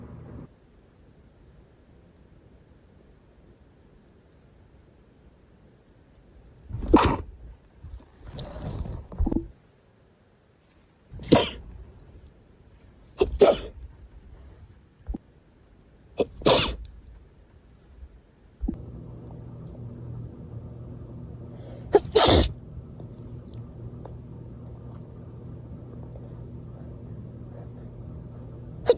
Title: Very wet sneezes after a party + bonus sneezes at the end